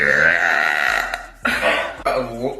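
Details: A woman who has been gassy all day, burping repeatedly and unable to stop: one long, loud, voiced belch followed by two shorter belches.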